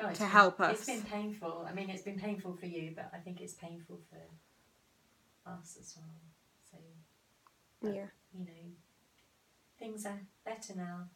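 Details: Adult speaker; normal speech.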